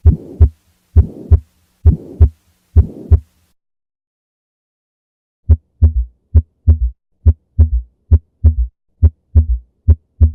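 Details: Heart sounds near 66 a minute with a rushing murmur between paired beats, then crisper beats after a pause; from a teaching montage of systolic and diastolic murmurs and extra heart sounds.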